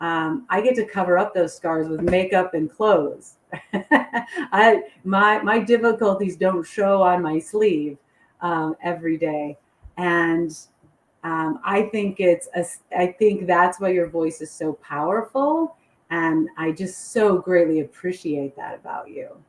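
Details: Adult woman; unaffected speaker.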